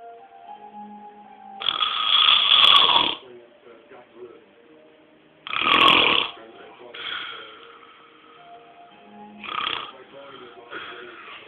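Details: Snoring example: loud, harsh, rattling snores on each inward breath, separated by quieter pauses, with faint music in the background.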